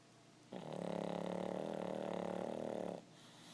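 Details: 8-year-old dog in deep sleep snoring: one long, fluttering, rumbling snore lasting about two and a half seconds.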